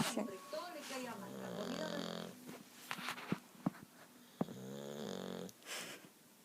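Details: Sleeping bulldog snoring: low, whistling snores broken by clicks and household noise; typical flat-faced dog snoring.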